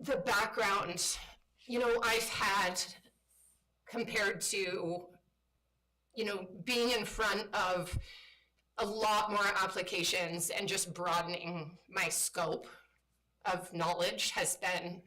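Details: Woman who states she has spasmodic dysphonia, a voice disorder she calls a brain disorder that kicks in sometimes; spasmodic dysphonia.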